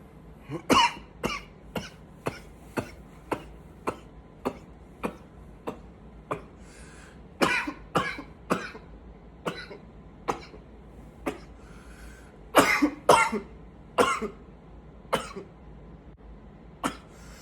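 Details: About thirty short, dry coughs over seventeen seconds in runs with brief pauses, with groaning between fits from tiredness due to coughing; repeated coughing fits.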